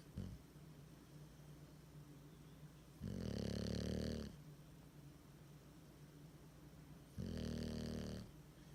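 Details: Loud snoring from Willie, a bulldog, sleeping with his tongue hanging out.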